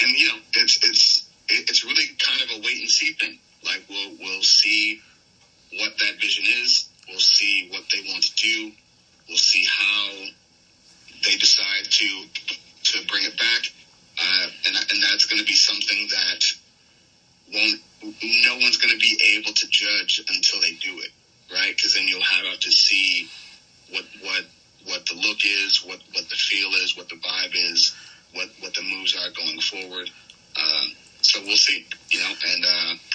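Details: Stuttering in an adult male pro wrestler with a long-standing stutter that made him nervous about speaking; he says it disappears during promos; unscripted podcast interview speech.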